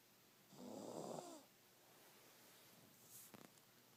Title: My little Snoring McSnorts